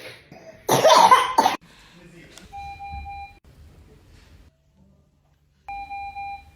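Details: Baby on day 4 of a hospital stay (tagged cough, flu, pneumonia): a harsh double cough burst followed by a monitor's steady beeping tone. Cough.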